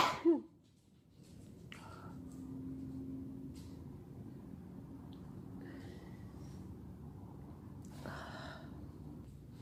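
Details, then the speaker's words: Single sharp sneeze during an all-day sneezing fit while sick, followed by quiet room noise and a faint breath; sneezer reports headache. "Oh God, my head hurts. I've been sneezing all day."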